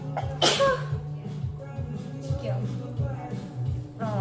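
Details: Blonde girl giving a single sharp sneeze burst early on, followed by talking over background music; sneezing.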